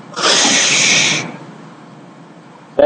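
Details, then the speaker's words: Simulated forced expiration in a respiratory lab on spirometry: one strong hissing blow of air about a second long, blowing out beyond a relaxed tidal breath to show expiratory reserve volume. "expiratory Reserve when you're blowing out candles or you're blowing up a balloon that's the extra stuff Beyond a tidal volume you can get out of your lungs"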